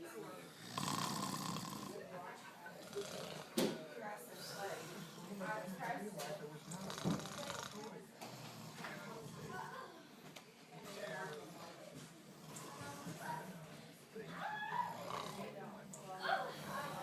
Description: Haha both my uncles snoring